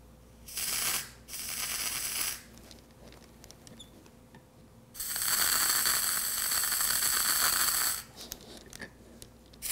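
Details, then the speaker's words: Bursts of loud hissing spray, two short and one about three seconds long: liquid nitrogen cryotherapy freezing precancerous actinic keratoses on an adult woman's hand, second freeze round. "now we're gonna hit them all second time starting with this one"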